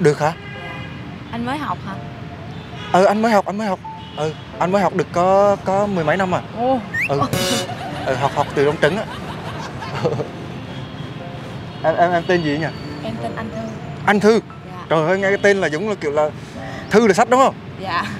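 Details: Young man acting as a stutterer in a prank, speaking with repetitions while asking a question: stuttering (acted).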